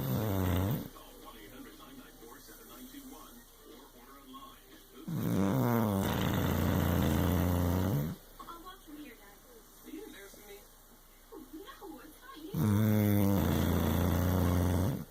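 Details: Tired, worn-out male snoring during sleep: three loud, low, rattling snores about seven seconds apart, with quieter breathing between.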